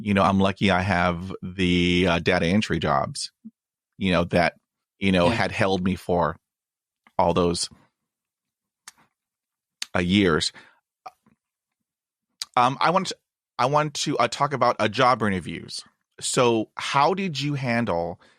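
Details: 27-year-old man from the UK with lifelong stuttering (stammer) featuring blocks, improved as his confidence grew; speech therapy in childhood; stuttering (stammer).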